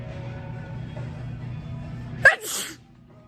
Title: Sneeze girl